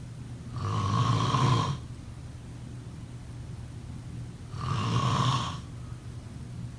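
Two loud, low rattling snores on the in-breath, about four seconds apart, over steady room hiss: typical snoring during sleep.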